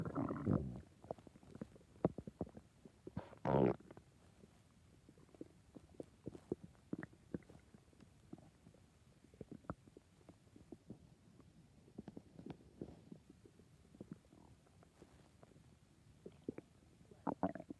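Bursts of gurgling and rumbling with many small pops and squeaks, typical of bowel sounds from a hungry stomach.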